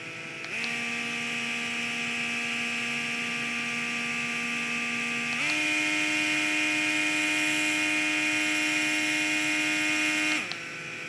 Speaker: So I wanted you guys to actually hear and see what it sounds like. So it has 3 different speeds, and then you can also turn on the music as you saw me do, and it has 2 different volumes for the music.